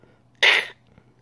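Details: A person imitates the sound of kennel cough in 8–12-week-old puppies: a single sharp, hissy, sneeze-like burst, like a backwards cough: kennel cough (imitated).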